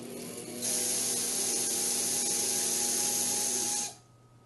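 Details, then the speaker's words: About three seconds of steady whirring grinding, then a stop, as a slow-speed dental handpiece with an acrylic burr removes resin from inside a temporary crown to leave space for cement. "an acrylic bur on the slow speed handpiece can be used to trim excess resin from the gingival edges it is also useful to remove some resin from the interior to allow space for the cement"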